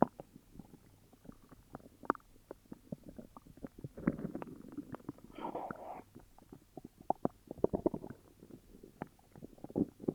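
Low gurgling and bubbling rumbles with soft popping clicks come from the belly, a run of stomach growling with an upset stomach.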